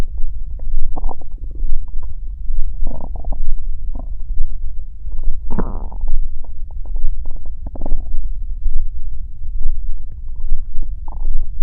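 Loud low gurgling and rumbling that rises and falls throughout, ordinary bowel sounds of a growling stomach.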